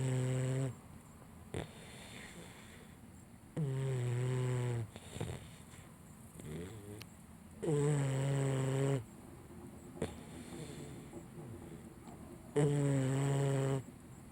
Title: Missy Snoring - 4 Months Boxer